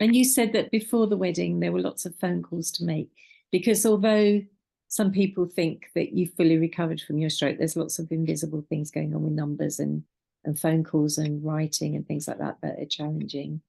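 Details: Adult woman speaking; normal speech.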